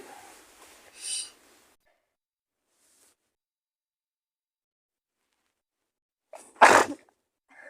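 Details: Acted sneezing in a roleplay of a girlfriend in bed with a cold and fever: a quick inhale, a small sneeze, a pause, then a loud full sneeze.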